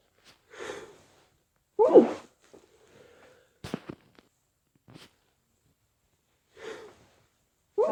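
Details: Late-night sneezes held quiet-ish while staying with parents at Christmas: several muffled, stifled sneezes with quick breaths between, then a short nose blow.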